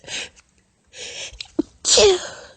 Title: Girly Sneezing (Stifles, Tiny, Squeaky) (F)